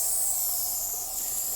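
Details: Nebulizer running: a steady, even hiss with no breaks as a salbutamol nebulizer and mask deliver drug to a short-of-breath woman on dialysis for kidney failure, who has wheezing in both lungs, worse on the left.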